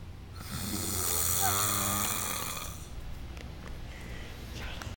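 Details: Brother asleep on a couch on vacation after drinking several beers: one long, loud, rattling inspiratory snore with a fluttering, vibrating quality, then quieter breathing; heavy snoring.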